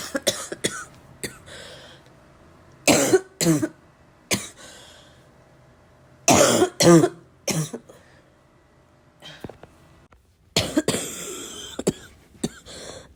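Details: Heavy, harsh barking cough in a smoker who vapes, unsure whether from the vape or getting sick: irregular clusters of coughs with throat clearing between bursts.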